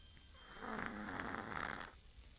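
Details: Chihuahua exhausted from playing, snoring with its whole body while its eyes stay open: a single rough, rattling breath sound of about one second, a snore.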